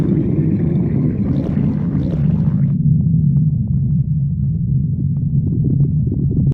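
Continuous low gurgling rumble with some brief higher squeaks at first; stomach growling, a normal bowel sound.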